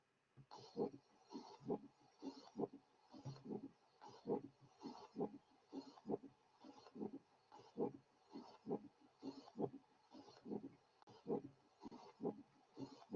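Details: Pericardial friction rub recorded at the left sternal border of a male with pericarditis: rhythmic scratchy, grating sounds with each heartbeat in both systolic and diastolic components.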